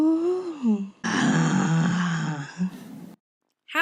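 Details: Patient's disordered voice from a GRBAS rating practice sample, rated overall grade 3, severely abnormal and recognizably disordered; severe dysphonia (hoarse voice).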